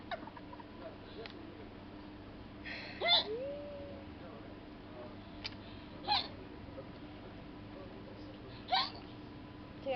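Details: Person on a night out: three sharp, brief voiced gulps about three seconds apart over low room noise; hiccups.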